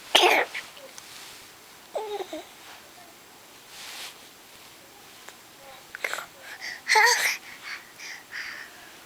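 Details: 5-month-old baby boy sucking his hand, then sneezing 3 times and cooing: a sharp sneeze burst, small hand-sucking sounds, another short burst, then soft cooing.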